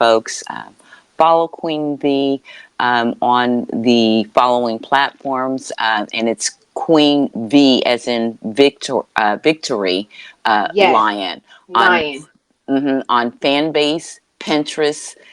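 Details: Adult woman with a self-reported, audible speech impediment she calls her "disability"; real, dysfluent speech: speech impediment.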